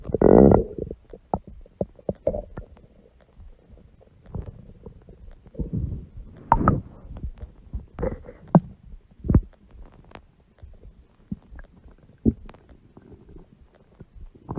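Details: Irregular gurgles, squeaks and rumbles from a large belly over several seconds; stomach growling (borborygmi) from gut movement.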